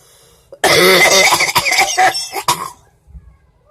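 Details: A woman coughing while smoking a Black and Mild cigar: a run of harsh, rasping coughs as the smoke irritates her airway.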